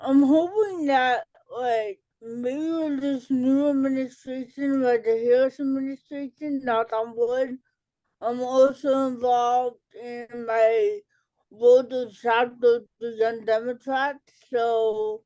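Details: Dysarthria in an adult woman with cerebral palsy, an educator and author, who had a childhood speech delay with intervention and says she talks differently.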